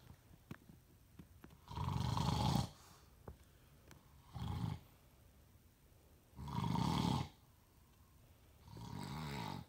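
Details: Snoring from a sleeping father: loud, rough, low rumbling snores recurring with each breath, about 13 breaths a minute.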